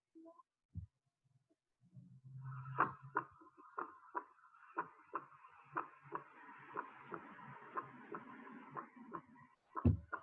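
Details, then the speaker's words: Normal first heart sound (S1), heard with the stethoscope diaphragm: regular heart sounds over a steady hum, with a single slightly low-pitched first sound marking the start of systole. It coincides with the arterial pulse and is heard at the atrioventricular valve foci. "es un soplo de un tono ligeramente bajo que indica el inicio de las pistolas y este primer ruido coincide con el soplo es para poner el pulso arterial lo vamos a ocultar fundamentalmente con el diafragma del estetoscopio"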